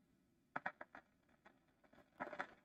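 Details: Laryngeal EMG in unilateral vocal fold paralysis, needle through the cricothyroid membrane into the affected side: brief sharp clicks through the speaker. These are fibrillation potentials of a denervated muscle, used to localize the paralyzed muscle before injection.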